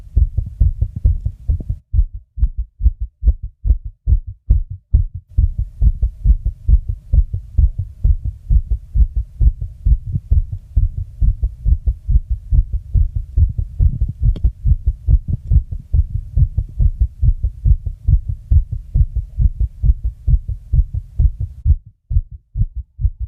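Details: Person's own fast heartbeat: rapid, steady low heart thumps at about 136 beats a minute, tachycardia.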